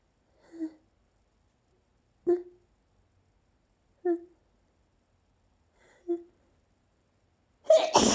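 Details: Ongoing sneezing fit with a very itchy nose, each sneeze announced beforehand: four brief vocal sounds, then one forceful, explosive sneeze.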